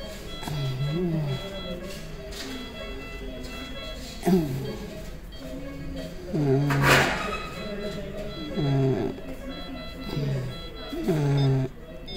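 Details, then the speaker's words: Patient with laryngeal tuberculosis: loud, harsh, high-pitched, raspy crowing noise with each breath in, with suprasternal retractions during inspiration; inspiratory stridor from upper airway obstruction, a medical emergency. "now you see the person is when the patient is inspiring there is a raspy noise [Music] and you can see inspiratory suprasternal muscle retractions especially during inspiration the suprasternal area is retracting and there is a sound during inspiration [Music]"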